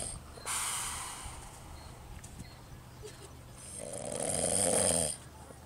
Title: I don't Snore...